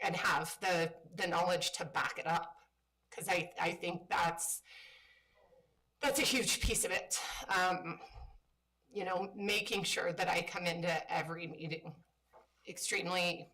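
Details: Woman with spasmodic dysphonia, a voice disorder she calls a brain disorder, which she says kicks in sometimes. Spasmodic dysphonia.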